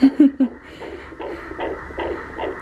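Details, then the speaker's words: Rapid, regular whooshing fetal heartbeat about 150 a minute, played from a small speaker in a teddy bear (heartbeat bear) recorded at an ultrasound boutique. "this is what the teddy's called my baby's heartbeat bear"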